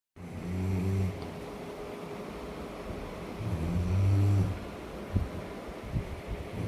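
Two low, rumbling, rattling breaths drawn in a few seconds apart, typical of snoring.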